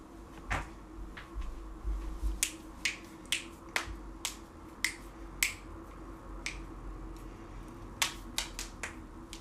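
About fifteen sharp, dry pops and clicks in quick succession against quiet room noise, consistent with joint cracking.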